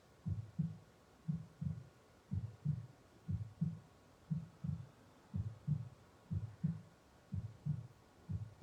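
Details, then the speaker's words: Regular paired low lub-dub thumps, about 60 beats a minute, a steady normal heartbeat played in the background during a guided breathing meditation. "you may note the sound of the heartbeat in the background so with your next breath in you may want to bring one or two hands to your chest to your heartbeat"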